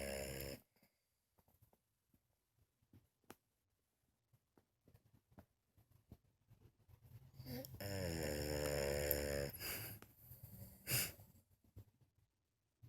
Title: French bulldog creepy sleeping snoring and farting